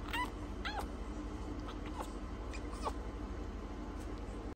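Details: French bulldog puppy with cleft palate, fussy after tube feeding: several brief high whimpers and squeaks over a steady low background hum; fussing distress cries.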